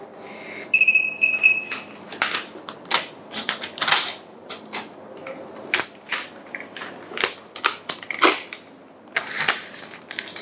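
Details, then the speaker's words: 12-lead ECG machine printing a patient's recording (I, II, III, aVR, aVL, aVF, V1–V6): a brief electronic beep, then irregular clicking, rustling and crinkling of the printout paper being handled, in a quiet room. "kita harus pastikan bahwa yangprint adalah ada 12 hadapan dimulai dari 1 2 3 avr avl avf V1 sampai V6"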